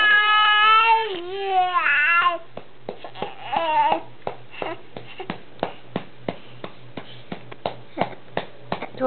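A baby cries briefly with a strained, wavering voice, then quieter breathy fussing with small grunts and sharp clicks; an infant cry.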